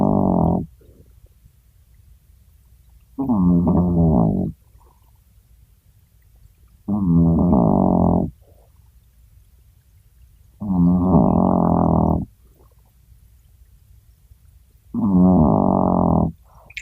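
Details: Chihuahua snoring in sleep: loud, buzzing snores repeating regularly about 16 times a minute, quiet between; big noise from a tiny dog.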